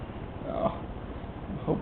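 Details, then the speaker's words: Person with hiccups that they say hurt badly, while a companion laughs; two short, throaty voiced catches about a second apart, typical of hiccups. "I want them to go away"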